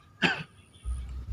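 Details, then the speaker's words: A single short, acted cough burst in a comedy sketch, followed by low rumbling room noise; simulated cough. "batuk yang benar bagaimana aja? Yang batuk yang benar tuh begini om."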